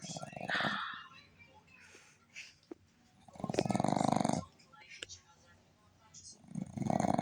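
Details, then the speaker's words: Boston terrier snoring with eyes wide open: snorting, fluttering snores in bursts with quieter breaths between; owner jokes she snores while awake. "how are you snoring when you're awake oh don't pretend now are you sleeping"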